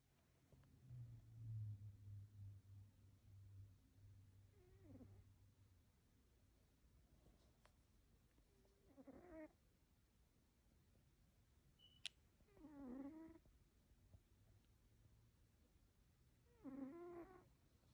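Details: Sleeping cat snoring softly with squeaky, whistling snores about every four seconds over a low rumble.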